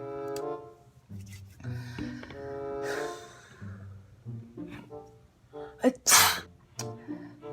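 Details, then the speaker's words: One loud acted sneeze in a comedy skit, amid speech and background music; the sneezer complains that others don't say "bless you": sneezing. "when I sneeze you always say bless you"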